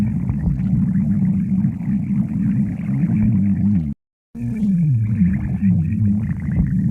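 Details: Stomach growling (borborygmi): continuous low gurgling rumbles with squeaky, rising and falling tones and a brief gap.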